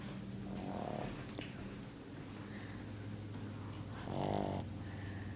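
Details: A dog snoring in his sleep: low, rough rattling breaths with a louder snorting inhale near the end.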